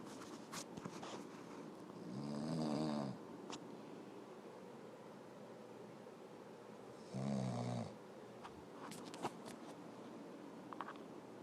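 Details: Adult husband snoring during sleep, keeping wife awake: two loud, low, rattling inspiratory snores with quiet pauses, in a small room.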